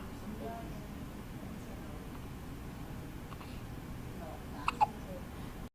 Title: the hiccups